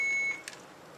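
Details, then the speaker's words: Alaris PC IV infusion pump alert tone after a 5-minute delayed start in standby, 950 volume to be infused, normal saline; single high-pitched electronic beep about a third of a second, then a faint click. "which will start beeping at you and one button you want to be aware of is the silence button"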